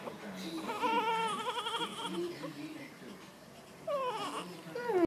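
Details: A newborn's first cry: thin, wavering cries in short bursts, with soft room noise.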